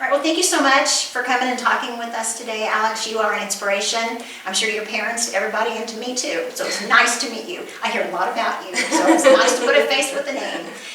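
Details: Adult woman speaking; normal speech.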